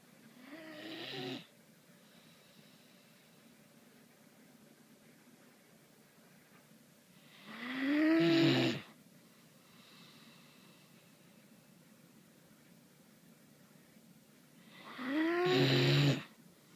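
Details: Slow, loud snores from a sleeping Great Dane, roughly every seven seconds, each rising into a whistling, rattling rush of breath; snoring.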